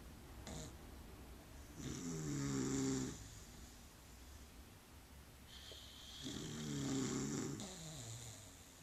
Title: Dog and Boyfriend Snoring